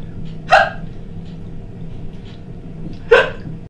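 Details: Woman with a daily hiccup condition, hiccuping during housework: two abrupt, sharp gulping bursts about 2.6 seconds apart over low household noise; hiccups.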